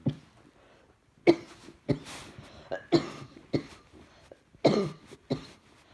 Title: Throat hurts now along with chest. Keep breathing & coughing, coughing & cough cough coughing